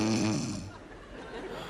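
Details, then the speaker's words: Simulated snoring in an animated comedy cartoon, a bedmate complaining of not being able to sleep again: a brief rumbling snore from a cartoon character, fading into room noise. "Ну что ты опять будешь храпеть Я не усну опять"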